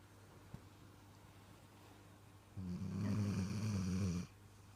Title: Dog snores like human